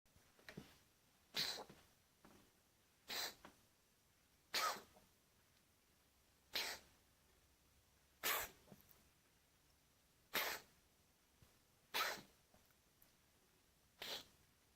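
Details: Cat coughing: about eight short, sharp, breathy coughs spaced a couple of seconds apart in a quiet room.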